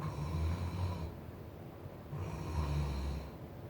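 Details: Snoring, in a discussion of children's snoring: low rumbling snores with each breath in, with the airway still open. This is the milder open-airway pattern, before narrowing becomes more serious.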